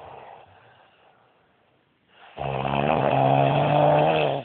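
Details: A husband snoring badly: a quiet stretch, then one loud, long, rattling snore on the breath in; heavy snoring.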